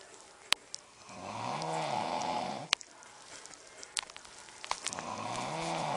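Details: Adult man (husband) snoring in his sleep while a TV plays: two loud, rumbling snores about three seconds apart, with clicks and TV background noise; ordinary snoring.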